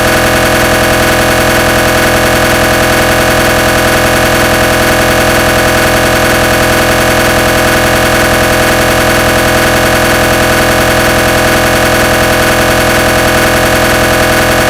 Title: Ge 1.5t MRI sound - gradient sequence (realistic and made)